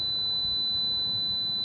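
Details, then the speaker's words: Simulated tinnitus: steady, high-pitched pure ringing tone imitating the constant ear ringing a patient may hear 24 hours a day. "மாதிரி ஒரு சத்தம் காதுக்குள்ள 24 மணி நேரம் இருக்கு அந்த மனுஷனோட மனநிலை யோசிச்சு பாருங்களேன்"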